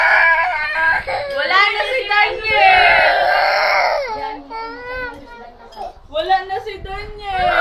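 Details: Loud, wavering wails with sobbing breaths and brief pauses from an upset baby who had a phone video taken away; ordinary infant crying, no abnormal cry quality.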